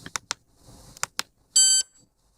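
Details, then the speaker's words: MobileODT ThermoGlide thermocoagulator with 16 mm flat probe powering on before cervical precancer treatment demonstration: a few clicks then a single sustained high electronic beep. "In this next demonstration, I'm going to use a 16 millimeter flat probe so you can see the difference in the treatment areas. I have turned the unit on."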